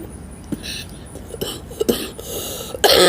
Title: Smoking vlog morning 🌞 coughing talking and having a cigarette